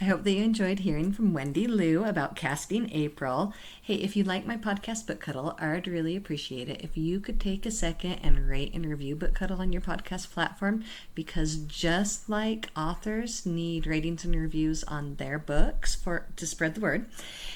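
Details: Adult woman speaking; typical voice.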